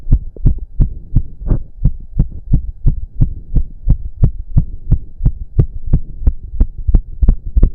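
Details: Male after a 15-minute intense cardio workout with heavy breathing: rapid, strong, regular heartbeat near 175 per minute, which the man himself put close to 200 bpm; normal sinus tachycardia from exertion.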